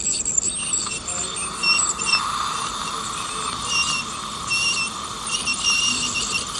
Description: PROFESSIONAL TEETH CLEANING ALSO KNOWN AS TEETH SCALING removes dental plaque, Calculus , tartar and stains from tooth surface with help of ultrasonic vibration .